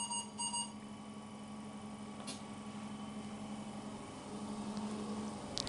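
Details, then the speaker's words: Non-invasive ventilation on a CV200 ventilator, pressure support of 5 on a test lung, with the face mask being fitted: two brief electronic beeps over room hum, an alarm that sounds constantly unless the ventilator is put on standby. "i don't put it on standby it's going to give the alarm constantly"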